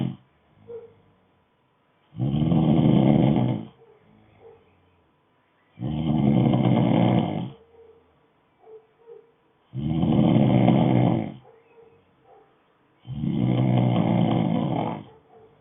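Loud, rough low snores on each breath in, four in about 15 seconds, roughly 15 breaths a minute, with quiet pauses between.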